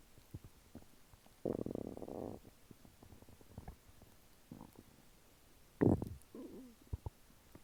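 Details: Scattered clicks and gurgles with a few louder bubbling rumbles after eating chicken nuggets and fries, person believes food reached lower intestine: normal bowel sounds of digestion.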